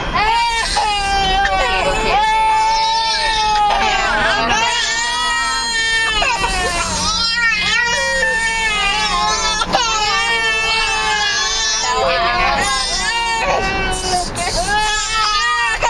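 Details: 8-month-old twin infants, tired after play: loud, continuous wailing cries, overlapping at times, with background noise; ordinary crying from tiredness.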